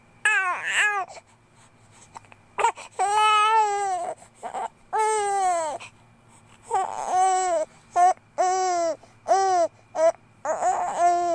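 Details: 2-month-old infant cries in repeated loud, tonal wails with short gasping breaths between them in a quiet room; ordinary infant cry.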